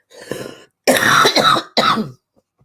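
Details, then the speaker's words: Throat clear followed by two short, harsh coughs in a quiet room; a lingering cough. "sorry guys I've still got the cough"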